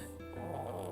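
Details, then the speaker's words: Snoring from a sleeping baby held against the microphone: a brief, soft, buzzing snore over steady background hum. "she's snoring right into the microphone so I'm sorry if you've been wondering what that noise is"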